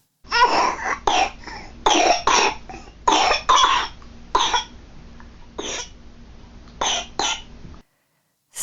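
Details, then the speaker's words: An infant's bronchiolitis (RSV) cough, an example clip: repeated dry, harsh coughs in clusters that are persistent and so deep and irritating in the chest they can almost sound like mucus. "so as you can hear there the cough is persistent and dry it can sometimes be so deep in their chest and so irritating that it can almost sound like this mucus down there"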